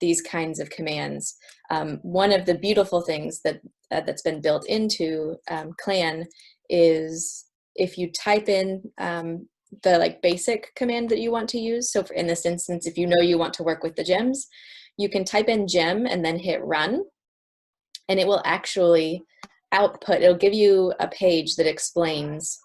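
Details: Adult woman; no disorder.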